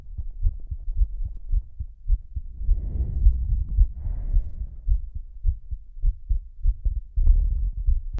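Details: Heartbeat with heavy breathing: low, thudding beats around 105 a minute, somewhat irregular, with loud breath sounds rising over them; fast rather than slow despite being labeled slow.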